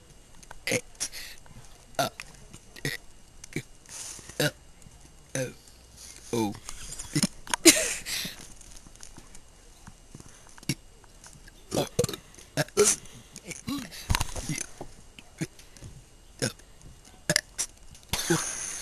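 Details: A young student deliberately burps the alphabet: a string of short burps shaped into spoken letters, with pauses and some laughter between them; voluntary burping.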